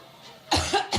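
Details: Adult woman having a coughing attack while speaking at a large campaign rally: two harsh cough bursts in quick succession after a quiet stretch.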